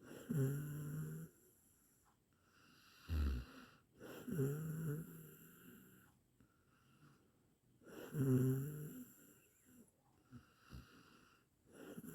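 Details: Rough, rattling snores on each breath in, about 15 breaths a minute, with quiet breaths out between, from an 8-minute snoring sound-effect recording; ordinary snoring.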